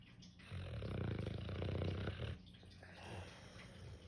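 A single low, rumbling, fluttering breath sound, then quieter breathing. Snoring.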